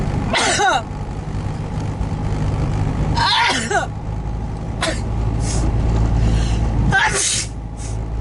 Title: sneezing attack in the car on the way to work